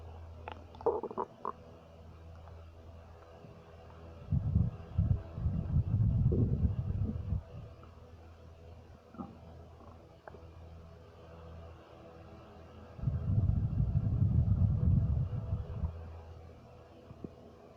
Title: Stomach Noises 2